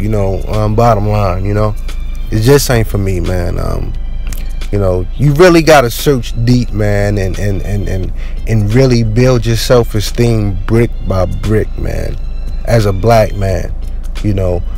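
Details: Man who had a really bad stutter growing up, mostly outgrown after joining the military but still present; stuttering with audible word repetitions.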